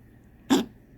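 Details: Dog Millie Woo, coughing since August 23rd, diagnosed by X-rays and blood tests with collapsing trachea and enlarged heart, on heart medication and cough syrup: a single short harsh honking cough burst.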